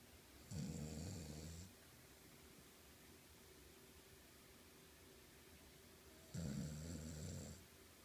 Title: Buddy snoring